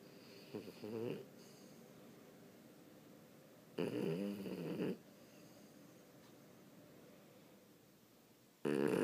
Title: snoring